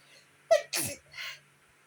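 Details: Person who woke up sneezing from allergies; a sharp inhaled catch, then an explosive sneeze burst with a softer trailing breath; a single allergy sneeze.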